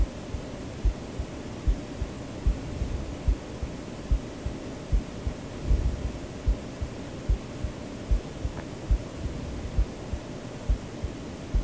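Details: Self-recorded own normal heartbeat in a sleep-aid recording: steady soft thumps about 73 a minute under constant white-noise hiss.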